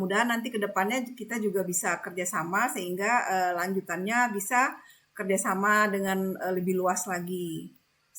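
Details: Adult woman speaking; normal voice.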